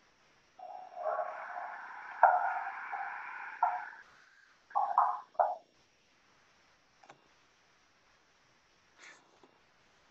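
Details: Normal bowel sounds recorded with an iPhone for a clinical skills lab distance-learning demonstration.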